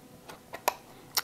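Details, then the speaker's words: Sapphire infusion pump charging cable connector: a few faint taps, then two sharper clicks as the cable, red dot aligned to grey arrow, locks into the pump's bottom. "will hear a click this is designed so that you can't just simply pull on the cord to unplug this you have to physically grab the hub and disengage from the pump"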